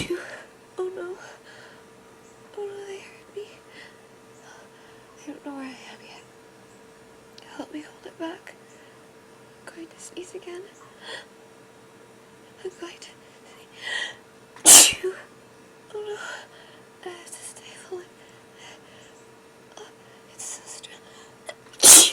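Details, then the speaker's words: Acted sneezing in a roleplay about hiding in a closet: quiet whispering and soft sighs while trying to hold back a tickling nose, then two sudden loud sneeze bursts. "Oh, they're too strong to hold back. It tickles so much. I'm going to sneeze again."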